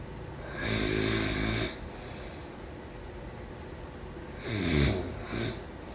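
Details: Sleeping person: loud, rough, rattling breath noises, a long one, then a louder pair after a quiet gap: snoring.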